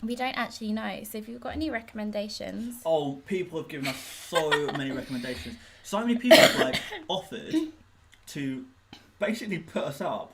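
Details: Adult speaker; normal conversational speech.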